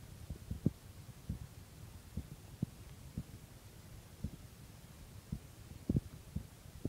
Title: Morning heartbeat at 6